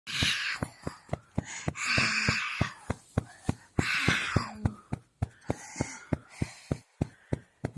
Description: Trying to sleep baby and Baby is Snoring. At last not sleeping.